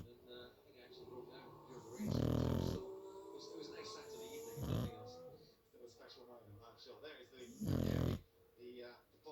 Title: Adorable French bulldog snoring while watching formula 1 😂